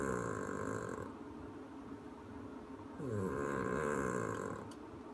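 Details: Heavy snoring: two long, loud, rattling breaths with a short, quieter gap between them.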